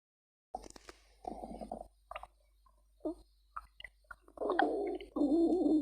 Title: Splendid Stomach Growling Louder